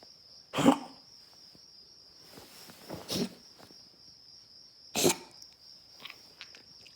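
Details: Dog named Benny coughing all night: a few sharp, separate coughing bursts in a quiet room with a steady high background whine.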